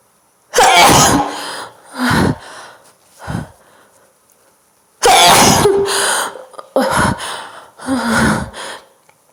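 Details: Female, induced sneezes: several forceful sneezes, each a sharp explosive burst after a quick indrawn breath, in a quiet room; described as weird and powerful; sneezing.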